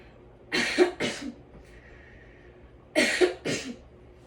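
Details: Post-operative breathing and coughing exercise demonstration: two pairs of deliberate coughs, each a strong burst then softer follow-up, coughing to the side, with quiet breathing between; voluntary cough.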